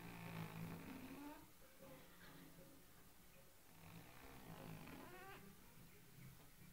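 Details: Overweight white cat asleep: rough rattling snore with each breath, fairly loud for a cat, over background hiss.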